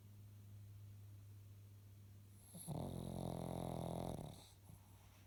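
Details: Sleeping dog: a single low, rumbling snore lasting over a second over steady room hum; snoring.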